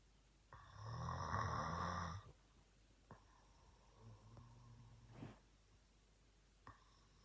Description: I recorded my dad while he was asleep and he was snoring kinda loud!😂😂😂